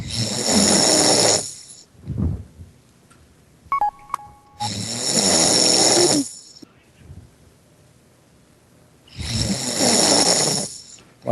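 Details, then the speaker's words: Person asleep during a Skype call snoring heavily over the microphone: loud, harsh, rattling snores about every four seconds, around 13 a minute, with brief clicks between them. "I'm gonna mute his mic for right now no I don't have it anymore that's such loud snoring"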